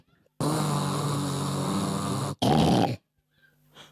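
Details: A long rough, rumbling breath noise followed by a shorter one, heard as loud snoring in a quiet room.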